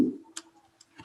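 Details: Normal vocal resonance.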